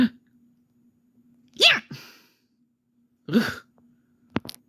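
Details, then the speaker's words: Pet fox (Cinnamon) sneezing; owner suspects allergies: two short, high-pitched sneezes with a faint steady hum behind them, followed by a person saying bless you. "Bless you that's a cute sneeze h no no it was not it was not cinnamon yes it was that was a cute sneeze"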